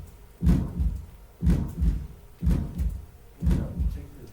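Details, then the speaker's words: Harsh rasping aortic stenosis murmur filling the gap after each first sound, regular heartbeat near 60 a minute; the valve is shown not opening all the way. "hear that harshness it's not left oh it's even showing you picture of cool see how that valve right there is not Clos is not opening all the way"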